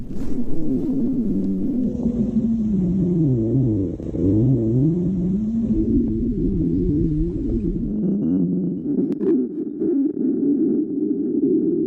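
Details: Stomach growling (borborygmi).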